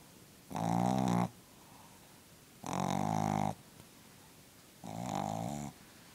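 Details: Sleeping Shih Tzu snoring: three loud, buzzing, rattling snores, each about a second long, separated by quiet breathing.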